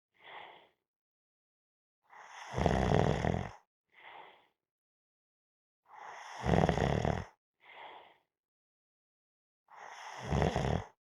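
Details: Person napping: loud, low, rattling snores on each in-breath, with a soft, quiet out-breath between, about 16 breaths per minute.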